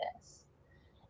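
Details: Acted demonstration by a woman of habitual vocal fry (glottal fry), speaking at the bottom of the pitch range with a scratchy sound.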